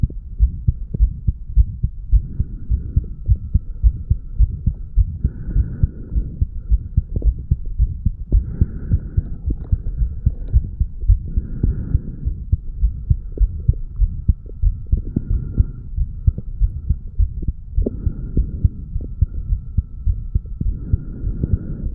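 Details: 35-year-old male's own heartbeat recorded by stethoscope at the mitral area after weight training: strong, fast thumps; heart sounds after exercise.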